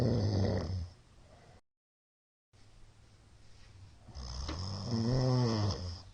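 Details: A middle-aged man snoring in sleep: low, rattling snores broken by a stretch of silence before breathing resumes. Shallow hypopneas suggest sleep apnea.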